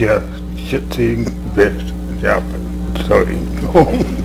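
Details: Adult man after a frontal-lobe stroke, with intact intent but non-fluent output, sometimes single utterances; Broca's aphasia (non-fluent aphasia).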